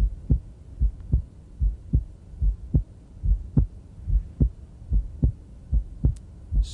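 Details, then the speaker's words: Normal physiologic splitting of S2 in a male patient, regular S1 and S2 at about 73/min; S2 splits on inspiration as later pulmonary valve closure follows longer right ventricular ejection, and becomes single on expiration. "so as you breathe and change right ventricular volume you change right ventricular ejection time you got more blood in the right ventricle takes longer to empty pulmonary valve closure occurs later so that's normal or physiologic splitting of the second heart"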